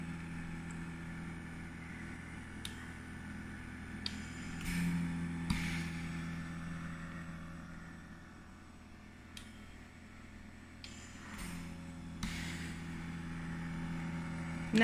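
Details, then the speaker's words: Zen-o portable oxygen concentrator running on continuous flow at 2 L/min via mask for a child with cerebral palsy: a steady low motor hum with periodic soft puffs and clicks, no louder during breathing. "it doesn't get any louder but when I take the mask off pipe you'll feel the air coming through there the oxygen coming through pushing through there"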